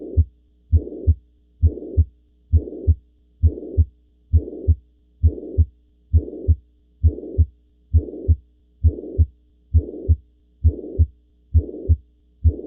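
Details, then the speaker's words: Mitral regurgitation heard at the mitral focus in left lateral decubitus (Pachón) position: regular heartbeat near 67 a minute with a blowing holosystolic murmur filling the gap between first and second sounds. "vamos a escuchar el soplo caracterí de lacia mitral que va estar en el foco mitral"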